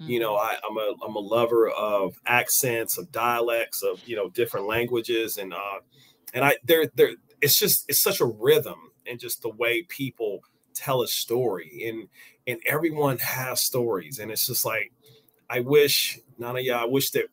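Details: Adult with stuttering present since age five or six, noticeable over extended conversation; word and phrase repetitions heard; stuttering.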